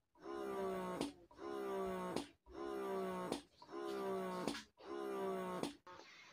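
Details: A Pigeon GoMini double electric breast pump being tried on and stepped up through suction levels 1 to 3 makes rhythmic whirring motor cycles about once a second, each ending in a brief release sound.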